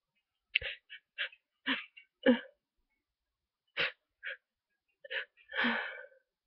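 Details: Congested sneezing with a cold, after days of fever and sore throat, now stuffy and sniffly: short sniffs and several slow, small sneezes separated by pauses, one sneeze failing to come, ending in a louder sneeze.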